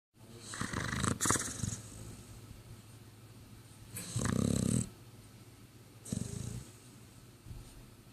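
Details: Snoring in Dagny, who has damaged sinuses and sleeps in awkward positions: low rattling snores repeating amid soft snuffly breathing while asleep.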